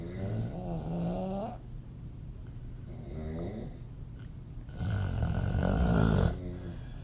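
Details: Loud, rough, buzzing open-mouth snores from a woman on the breaths in, with quieter breathing between; audio only.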